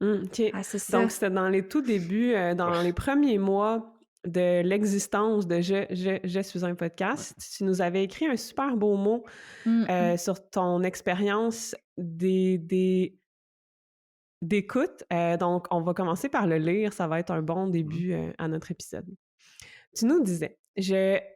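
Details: Stuttering in an adult woman who is a doctoral candidate, speaking French.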